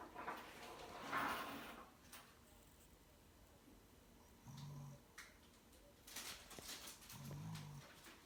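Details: Ordinary snoring during sleep, with the recorder and mom snoring: low, rumbling snores recur every few seconds against quiet room noise, with a few louder rustling bursts.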